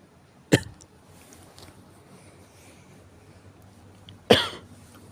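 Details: Morning cough on waking: two single, sharp adult coughs about four seconds apart in a quiet room.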